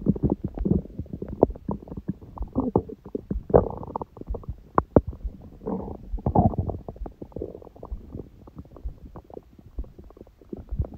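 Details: Abdomen recorded after a large first meal at 16:00 following fasting on water only since 19:00 the previous day, and after ab workout; frequent low gurgles, rumbles and clicks: normal active bowel sounds.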